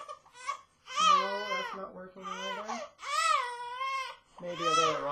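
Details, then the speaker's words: Two-month-old baby girl crying in repeated rising-falling wails with short gasping breaths; singing fails to soothe her, caregiver thinks she wants breast milk after refusing bottle formula: infant crying. "welcome to the baby show and today we're going to be featuring a crying baby she's not very happy but we're going to try to soothe her so that she is a little more comfortable"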